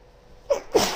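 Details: Sneeze from a female: a single sharp sneeze with a short intake before the burst.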